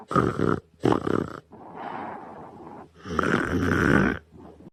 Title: BF yawns cutely then falls asleep and snores cutely on Christmas Eve at night (don't wake Bf at 3AM)